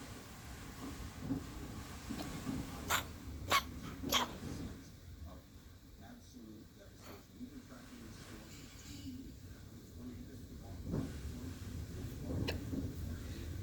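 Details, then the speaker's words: Dog coughing on a bed: a quick run of three sharp, hacking bursts with soft snuffly breathing and room noise; a brief cough. "alright, sis? That was a funny little cough."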